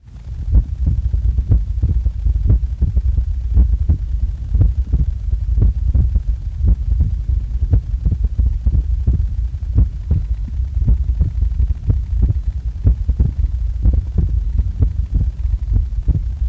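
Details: Heartbeat recorded just after waking up: steady, regular low heartbeat thumps at about 80 a minute under a loud low hum.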